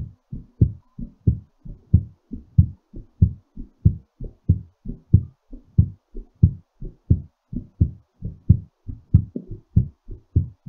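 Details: Steady, strong heartbeat at about 94 beats a minute, a normal rhythm that is somewhat fast during recovery after exercise.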